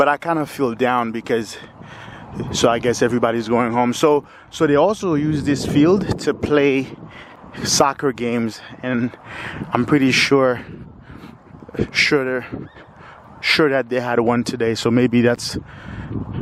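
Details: Lifelong stuttering in a 45-year-old man with periods of fluency; audible word repetitions.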